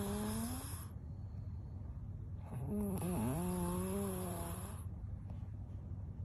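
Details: A celebrity asleep: two loud, drawn-out snores with a buzzy, wavering tone over a steady low background hum; snoring.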